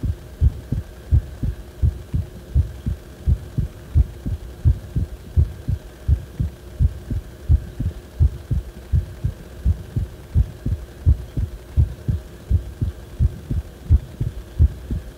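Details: Steady low heart thumps about 85 per minute over faint hum, recorded when the heart felt wrong; abnormal heart sounds.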